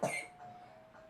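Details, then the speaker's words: Young daughter, sick, coughing while playing with toys nearby; cough. "excuse my daughter dear she's down here playing with toys she's going to be coughing cuz she's sick"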